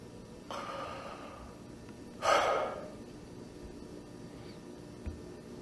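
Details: A single loud gasping breath after a quieter one, long pauses between, in a quiet room: agonal breathing, slow irregular gasps from severe brainstem insult, e.g. after cardiac arrest or embolic event.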